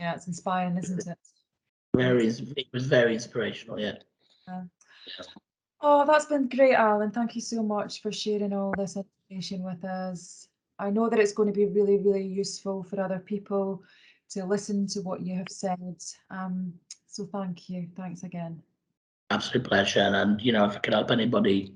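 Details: Adult female speaker, with a second speaker briefly; typical voice.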